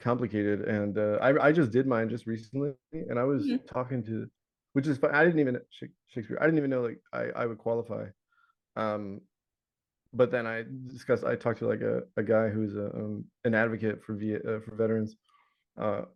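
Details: Adult man with Tourette syndrome; recurring vocal tic of the word "Shakespeare" interjected into ordinary speech, plus other word tics and shouting tics; vocal tic.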